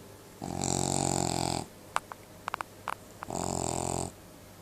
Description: trying to wake up Trapper- the Cavalier King Charles Spaniel that i take care of- while he is snoring and clearly, fast asleep :-)